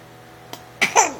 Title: Cute baby fake sneeze